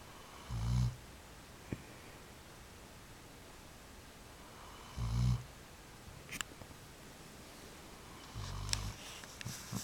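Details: Three low, rumbling snores about every four seconds, quiet between them; snoring during sleep.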